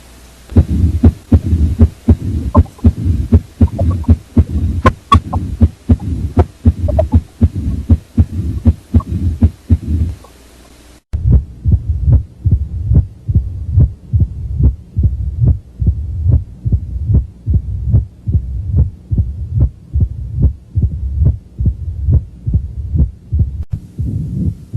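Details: Mitral stenosis murmur: heartbeat near 79 per minute with a low rumbling murmur between beats.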